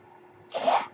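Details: Near silence, then a soft, airy whoosh of about half a second as the speaker's own home ventilator delivers a breath during a podcast recording: a mechanical ventilator.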